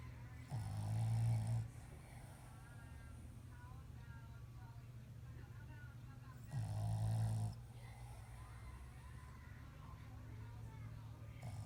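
Two low, rumbling snores about five seconds apart, with quiet breathing between them; snoring in a small dog.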